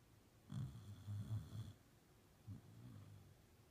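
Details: Dog sleeping in bed: soft, low snoring with a brief snort, then quieter breathing in a still room.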